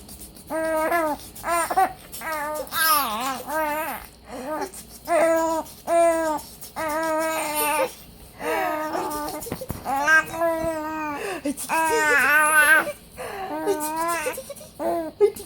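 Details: A child tries laughing and gets hiccups instead: repeated short voiced hiccup catches break up the laughing and babbling.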